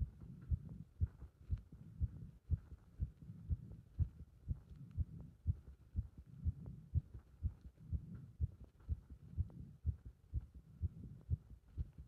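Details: Heart sounds recorded with chest compression during squats: fast, regular heartbeat at about 120 beats a minute with rustling movement noise between beats during exercise.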